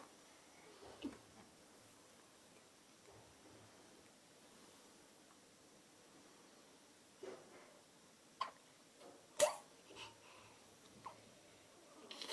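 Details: Day-old newborn with hiccups: brief, sharp hiccup sounds, irregularly spaced, in a quiet room.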